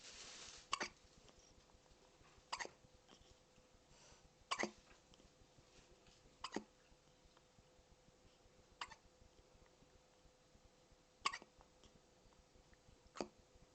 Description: Poor has the hiccups, and we alll think it's so cute!